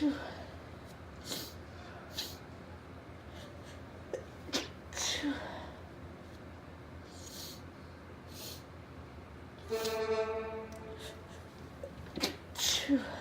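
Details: Female with a sneezing fit of unknown cause: a run of small, sharp, hissy sneezes in quick succession over quiet room noise.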